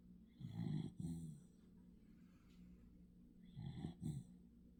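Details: Sleeping dog snoring: snorting, fluttering snores in two paired bursts over about five seconds; snoring.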